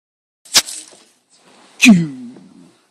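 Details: Baby playfully imitating a sneeze (fake sneezing): two short, sharp bursts, the second trailing into a voiced sound.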